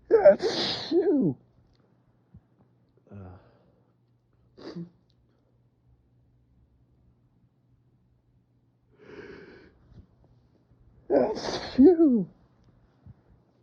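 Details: Two loud voiced sneezes about ten seconds apart, with small sniffs and breaths between, in a quiet room; allergic sneezing fit in spring with an itchy nose, attributed to windblown pollen.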